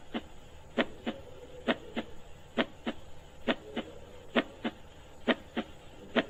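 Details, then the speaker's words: Normal heart sounds played in a grade 10 zoology class: steady paired lub-dub beats at about 67 per minute, lub from tricuspid and bicuspid valve closure, dub from semilunar valve closure. "now see here the first sound which is only here the first time that is a love sound it is due to the closer of tricuspid and bicuspid valves"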